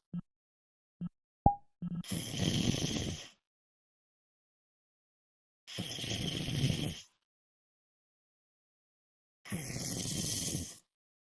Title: Night snoring lmfao